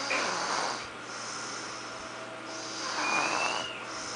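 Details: Two hissing, slightly whistling breaths about three seconds apart from a sleeping 19-month-old baby: light snoring in a young child.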